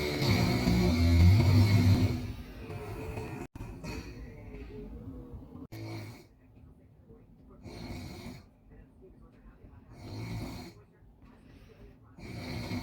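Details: Loud snoring in a sleeper with a large belly: a low rumble at first, then softer rhythmic breathing with raspy bursts every two to three seconds; faint music behind.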